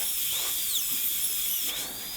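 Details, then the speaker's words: High-speed dental drill making occlusal-reduction guide cuts, following the tooth's anatomy, for a gold onlay on model tooth #18. Steady high-pitched whine run dry, its pitch dipping and rising under load. "i'm gonna go ahead and do the guide cuts for the rest of the occlusal reduction just based upon the anatomy of the tooth"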